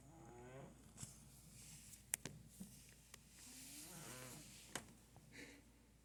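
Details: Sleeping cat snoring: quiet, soft purring rasps with each breath over faint room noise.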